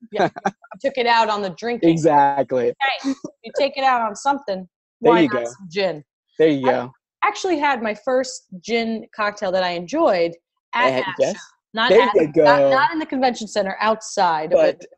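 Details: Adult speaker; normal speech.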